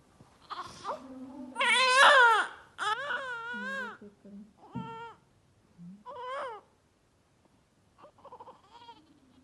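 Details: Baby crying during a chest check with a stethoscope: short bursts of high-pitched wailing and whimpering between quiet pauses; infant cry.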